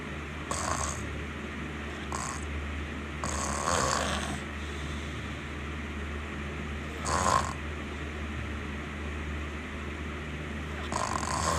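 Soft irregular snorting snores and breath noises over a steady low hum of room noise.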